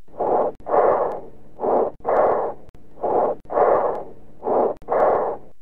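Harsh, hollow breath sounds with a brief pause between phases and a longer, louder, higher-pitched expiration: bronchial breathing.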